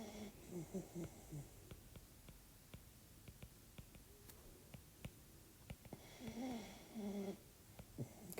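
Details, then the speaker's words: Faint, irregular nasal snoring with soft squeaky, whistling tones from a sleeping puppy in the background of a recorded lecture, against quiet room noise; snoring. "Can you hear my puppy in the background? (puppy snoring continues)"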